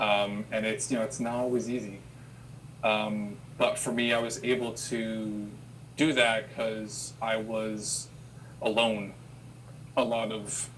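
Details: Adult who has stuttered since childhood and had speech therapy sessions as a child; repetitions heard; stuttering.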